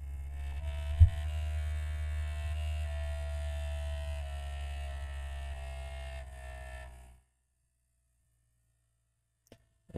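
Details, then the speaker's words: Automatic blood pressure monitor taking a measurement before a teardown: steady low motor hum of the air pump for about seven seconds, then silence, as the cuff inflates. "you're not supposed to talk while you're taking a measurement here but that's okay"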